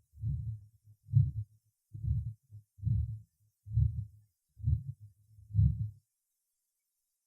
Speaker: представлен другой вариант систолического шума на аорте зарегистрированного у пациента с атеросклеротическим поражением восходящей части аорты